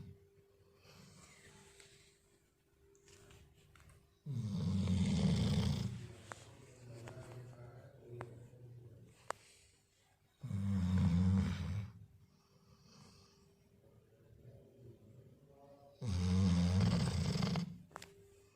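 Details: Dog snoring while lazing: three loud, low rattling snores about every six seconds with quieter breathing between, about ten breaths a minute.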